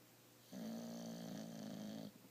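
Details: One sustained, buzzing, tonal snore lasting about a second and a half in a quiet room: snoring during sleep.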